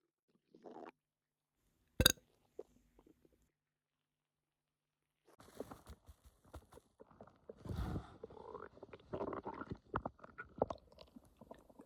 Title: Bloated stomach sounds and burping